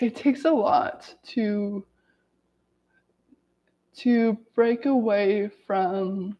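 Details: Adult woman who has stuttered every day of her life, reading aloud from a self-therapy book to demonstrate her stutter; stuttering.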